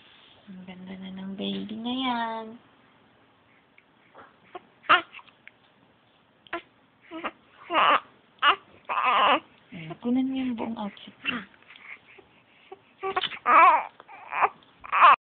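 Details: Infant, possibly around sneezing: brief cry with clear voiced wails, followed by short fussy vocal bursts and babbling in a quiet room; infant crying.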